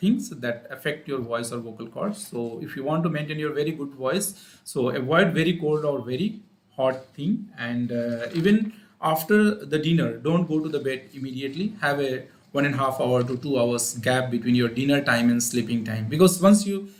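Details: Adult male speaker; normal voice.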